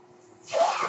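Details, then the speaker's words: Quiet pause, then a sudden rising airy whoosh of a breath delivered by the speaker's own mechanical ventilator, heard while he talks. "That noise you're hearing is my ventilator."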